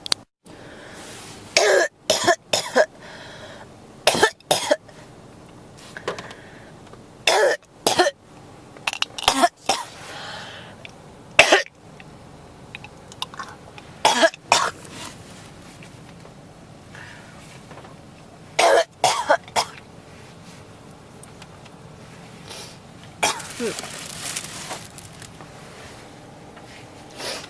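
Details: Adult with a persistent cough coughs repeatedly in short clusters of two or three dry coughs with brief quiet gaps.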